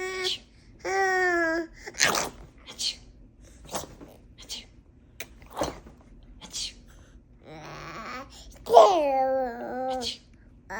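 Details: Baby taught to fake sneeze: babbling and squeals mixed with short, breathy sneeze-like bursts made on purpose; deliberate, not real, sneezing.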